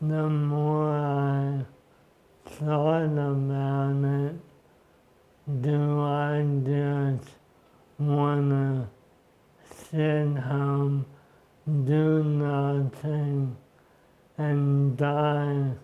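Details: Man diagnosed with ALS in 2014, about 10 years in, with the disease severely affecting his speech and upper body movement; a clinical trial volunteer: dysarthria due to ALS.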